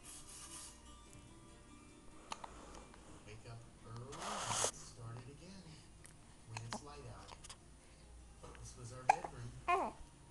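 Infant with brief, abrupt hiccup sounds among soft vocal noises, with music playing in the background.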